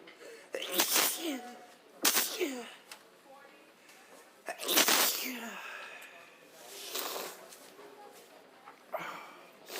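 A run of about five forceful sneezes in close succession, with gasping breaths between them.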